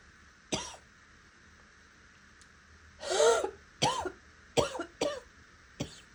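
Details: About six harsh coughs ranging from raspy to hoarse to wet, with a few hints of barking, in a quiet room.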